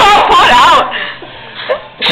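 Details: Sneeze from a man: a single loud, explosive burst then a fading breathy release, with chatter around it; the most sneezes he has ever done.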